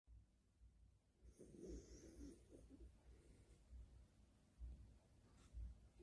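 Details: Quiet, low rumbling breaths with a soft fluttering rasp on each breath from a sleeping cat: snoring.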